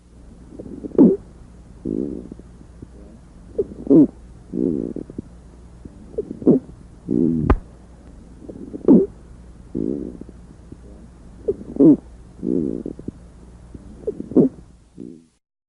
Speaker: but this squawk is both inspiratory and expiratory, louder on inspiration and softer on expiration. The squawk is a musical sound found in some patients with diffuse pulmonary fibrosis, especially if associated with an allergic inflammation of the alveoli known as hypersensitivity pneumonitis.